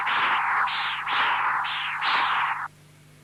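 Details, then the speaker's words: Continuous-wave Doppler, apical transducer, tricuspid stenosis: repeating rushing, whooshing surges of tricuspid regurgitation (1.8 m/s) plus high-pitched diastolic stenosis signals (early velocity 2 m/s, gradient 16 mmHg, mean 7.4 mmHg). "The velocity of tricuspid regurgitation is 1.8 meters per second. The early diastolic tricuspid velocity is 2 meters per second, which represents a gradient of 16 millimeters of mercury. In real time, you will hear both the tricuspid regurgitation and the high-pitched diastolic signals due to tricuspid stenosis."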